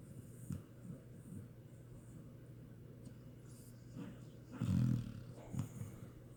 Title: Puppy snoring